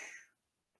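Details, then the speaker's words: Short breathy whoosh, a vocal imitation of a heart murmur from mitral regurgitation (backflow of blood from left ventricle to left atrium), from an anatomy and physiology lesson. "O sopro no coração então o coração bate e depois que ele bate acaba tendo um barulhinho O sopro faz"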